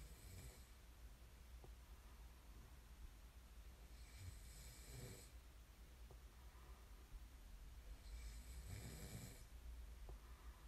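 Two soft, wheezy snoring breaths about five seconds apart over a steady room hum. Ordinary snoring.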